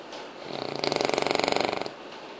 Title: Bulldog ingles filhote 5 meses roncando/English Bulldog Puppy snoring 5 months